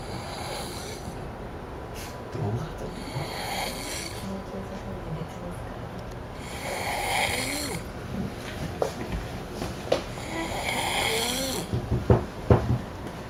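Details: Irregular snoring: breathy rasping breaths with snorts and a few clicks over a steady room hum.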